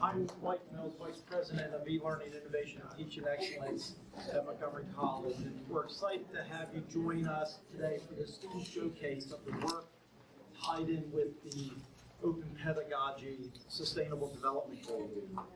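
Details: Adult man speaking; normal speech.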